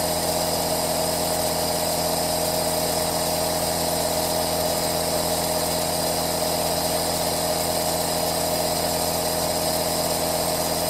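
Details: Running aerosol nebulizer compressor recorded as 10-hour 3D ASMR white noise for relaxation and sleep: steady mechanical hum with a buzzing compressor drone.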